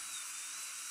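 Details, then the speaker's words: Continuous high-pitched whine of a dental drill trimming the labial surface of lower anterior teeth, not shortening them, so veneers blend, during Lumineers placement in a young woman; dental drill. "I'm going to take a little off these lower anterior teeth and I don't shorten them in length I take it off of the labial surface so it'll blend better"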